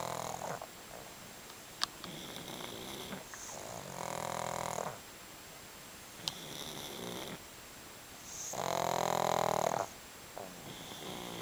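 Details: Snoring in sleeping pugs: rhythmic snorting, rattling snores with each breath and a squeaky, wheezy edge on some breaths.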